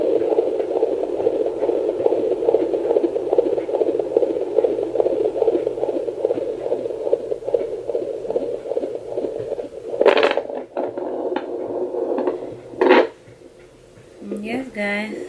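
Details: Fetal heartbeat at 9 weeks of pregnancy, heard by the mother at home with a portable fetal Doppler (2 MHz probe) and ultrasound gel; rapid rhythmic whooshing pulses over hiss, display reading 141.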